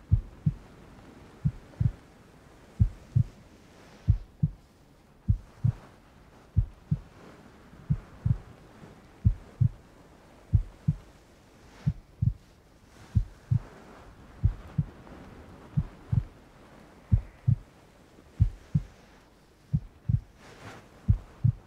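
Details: ASMR heartbeat: steady paired lub-dub thumps about 46 a minute with faint rain-like hiss; normal heartbeat.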